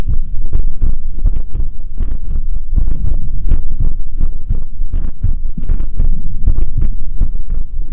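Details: ASMR heartbeat recorded close to the chest during a live stream: dense, deep thumping at about 81 beats a minute, counted over one minute, with a muffled low rumble.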